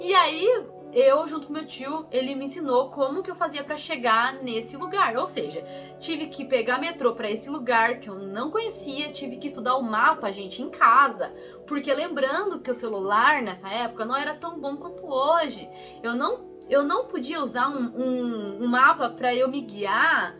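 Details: Speaker who stutters, speaking Portuguese; stuttering.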